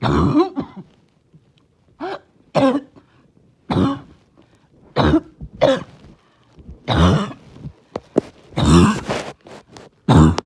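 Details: Barking cough on a rough day, while trying not to choke: repeated harsh, throaty cough bursts with gasping breaths in between.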